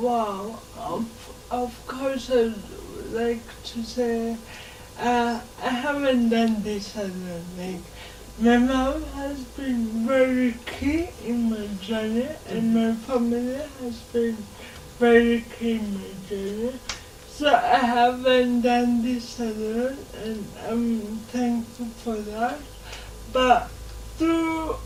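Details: 26-year-old woman with lifelong cerebral palsy, speech affected enough that people often find her hard to understand; dysarthria (cerebral palsy).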